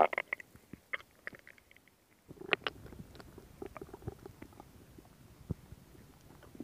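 Irregular gurgles, pops and rumbles from the belly: ordinary stomach growling, normal bowel sounds.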